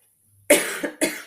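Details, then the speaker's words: Adult woman coughing mid-speech, saying she has a cold, not Covid: a quick run of three coughs, the first loudest and the next two shorter and softer, in a quiet room; cough. "as I'm coughing I'm saying this that sounds awesome um we do not have Co we do not we do not have Co we have a cold"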